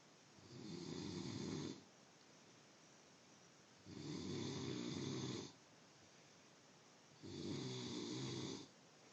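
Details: Three rough, rattling snores on breathing in, about 19 a minute, with quiet breathing out between them; loud ordinary snoring.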